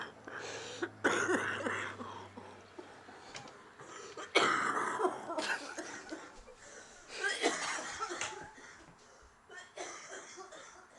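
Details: An adult coughs in several separate bouts, harsh bursts followed by breathy pauses.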